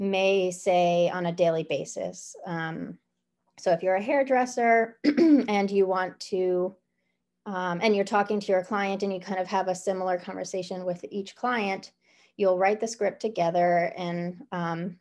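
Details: Adult woman speaking; Normal speech.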